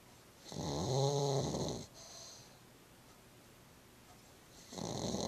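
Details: Sleeping female pug, rescued a week earlier underweight and dirty, now content: loud snorting snore on inhalation with a whistling edge, a pause, then the next breath starting.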